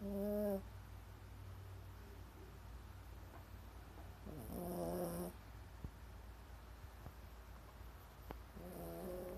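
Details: Snoring, not at her loudest: three buzzing, tonal snores over about nine seconds against a steady low hum, roughly 13 breaths a minute.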